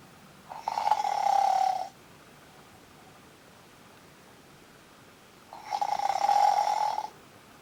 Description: Little Munchkin can barely get a wink of sleep due to Fluffy Bear's incessant snoring